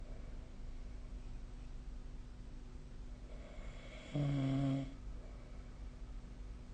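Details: Snoring during sleep recorded with the SnoreLab snore-tracking app: quiet breathing, then one loud, low, buzzing snore lasting under a second on an in-breath.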